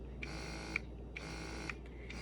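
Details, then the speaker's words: Momcozy wearable breast pump switched on with its power button: a small motor hums in cycles about every second, with a soft click and whirr at each stroke; the user notes how loud it is. "uh with the pump on here the little motor that you have going on you have a power button it gets it going see how loud it is"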